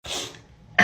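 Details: A single sharp, explosive sneeze with a breathy trailing release, set off by a Covid-19 self nasal swab test in someone who says their nose is sensitive and is leaking from nose and eyes; a normal reflex to nasal irritation.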